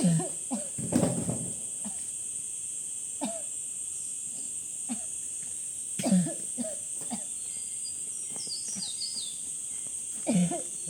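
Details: Woman whose body is weakened by illness with a tired, recurring cough: scattered short, weak coughs and throat sounds over steady insect and outdoor noise.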